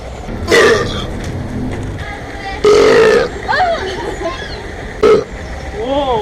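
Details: Deliberate burping outdoors in Rome: three loud, croaking belches, the middle one long and drawn out, over street traffic noise; voluntary repeated burping.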